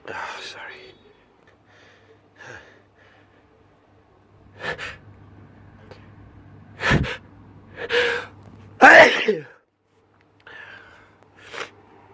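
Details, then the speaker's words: Allergy sneezing fit: a run of "achoo" sneezes, each preceded by a sharp intake of breath, with "excuse me" between, in a quiet room. "Oh, I'm gonna sneeze again. Oh gosh. Achoo! Achoo! Excuse me. Achoo! I'm gonna sneeze again."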